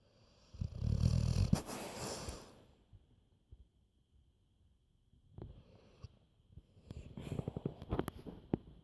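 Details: Black Labrador dog snoring.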